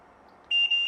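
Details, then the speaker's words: Sharp, high electronic beep after brief quiet: a home ventilator alarming when switched on for demonstration; alarms sound for problems such as the circuit dislodging when he coughs hard or moves. "I will just turn it on just so you guys can kind of see how it works. It's going to alarm at us, but that's a good thing, so I can actually show you guys what some of the alarms are."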